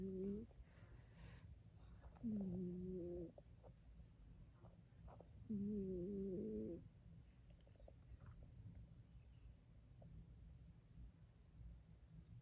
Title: My cat is snoring 😴